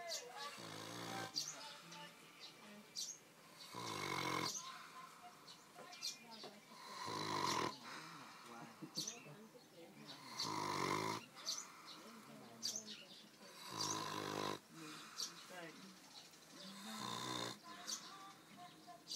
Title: Chó ngủ biết...NGÁY ! Dog is Snoring